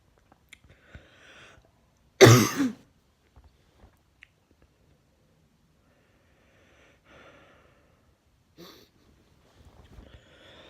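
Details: Single loud, harsh cough from the person recording, in a quiet small room with faint breathing and rustling around it.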